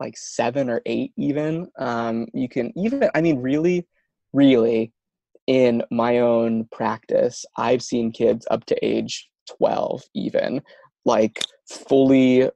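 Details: Adult man who stutters, with words and syllables getting stuck and not coming out at the right time; stuttering.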